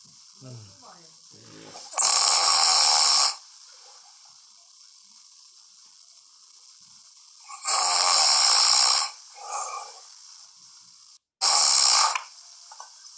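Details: Sleep snoring recording: harsh, loud snores on the in-breaths, about 11 per minute, separated by quiet breathing.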